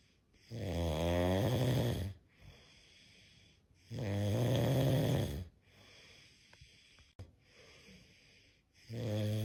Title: Snoring cat #catsnoring #catshorts #cats #catvideos #cat